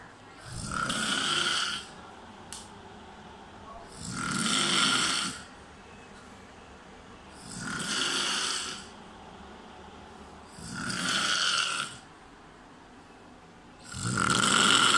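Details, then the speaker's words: A friend asleep in a dining room at 5 a.m. gives five loud, rasping, harsh buzzing snores, one with each in-breath, about 20 breaths a minute: very loud snoring. "eso escucha de fondo no es una cigarra nosotros está tapando es un amigo que está tocando en el comedor así que ahí vamos a grabarlo"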